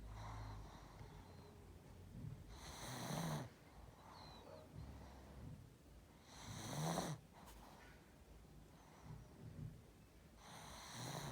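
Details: Sleeping pug: slow, rattling snores, about three in eleven seconds, with quiet breathing between them; snoring.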